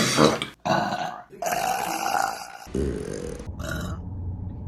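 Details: Burping compilation: several loud, drawn-out belches in a row, separated by brief pauses.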